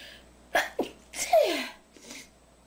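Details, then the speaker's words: Woman with allergies to dust and paint smell, deliberately holding in her sneeze: quick breaths in, then a forceful, partly stifled sneeze with a sharp burst of air; a small second sneeze follows. "foi um espirro eu seguro o espirro e é assim que meu espirro sai quando eu seguro enfim"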